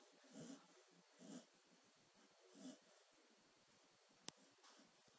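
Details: Dog snoring lightly while asleep: soft, faint snoring breaths roughly every second, with a single sharp click.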